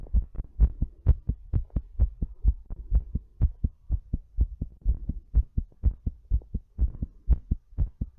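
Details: Heartbeat during breathplay: strong, rapid thumping at roughly 125 beats per minute, with a steady rhythm and paired beats.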